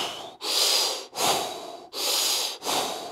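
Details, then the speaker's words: Loud, fast, deep gasping breaths about 40 a minute from an adult CPAP user with untreated obstructive sleep apnea, after 40–50-second apneas, breathing against CPAP pressure and causing mask leak: rapid deep breathing after apnea. "So, it's actually untreated sleep apnoa which is causing the issue here because when she stops breathing for that extended period of time, 40 50 seconds, at the end of that apnea, she takes these great big deep fast breaths."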